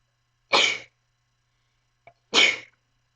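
Two sharp, hissing sneezes about two seconds apart, with a brief catch of breath just before the second. Quiet room.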